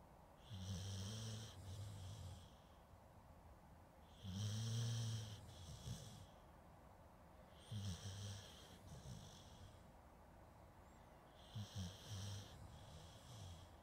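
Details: Dog snoring in sleep, recorded with a Zoom H2N: four low, rattling snores with hissy breaths between, about 17 breaths a minute.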